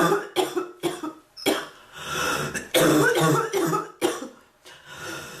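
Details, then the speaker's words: Repeated harsh cough bursts, about ten in five seconds, some in quick runs, from an adult woman whose cough is not improving, likened to past bronchitis; a persistent, frequent cough. "I've been coughing so much the bird learned to cough. Like, really?"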